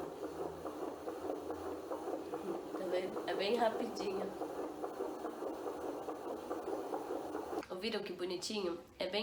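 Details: Fetal heartbeat recorded with a home fetal Doppler during pregnancy and played back from a computer: fast, regular galloping whooshes.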